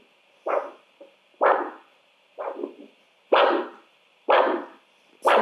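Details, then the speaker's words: Handheld Doppler with gel over the dorsalis pedis artery, with a cuff around the limb, during an ankle-brachial index measurement: regular whooshing pulse bursts at about 62 per minute, a normal pulsatile arterial signal. Systolic pressure was later measured at 164. "so i'll place the doppler gel on the artery which i'm testing you can palpate first if you like to know where you're going and get a nice signal"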